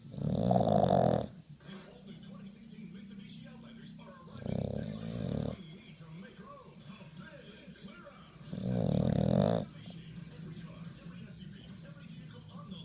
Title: Diesel the bulldog snores